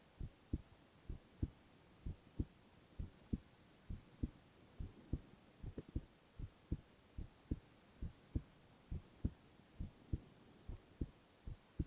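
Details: Male ASMR recording of heart sounds only, no talking: steady, regular low heartbeats at about 67 beats a minute, no added sounds; normal resting heart sounds.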